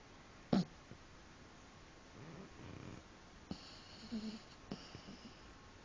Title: Harvey snoring